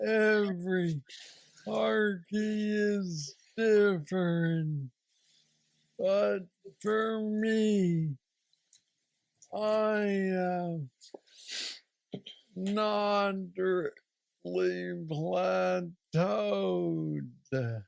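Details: Man aged 46 with aggressive Parkinson's disease diagnosed at age 35, treated with a deep brain stimulator implant after two years; real patient with Parkinsonian speech (hypokinetic dysarthria).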